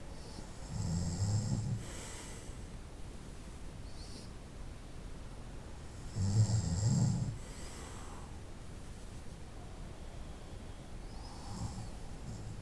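Low rumbling snores at spaced intervals over steady background hiss; ordinary night-time snoring.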